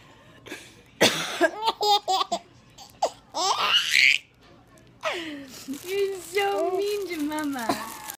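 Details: A mother's coughing fit: a few harsh adult cough bursts in a small room, each followed by a baby's bright, squealing laughter; a plain cough.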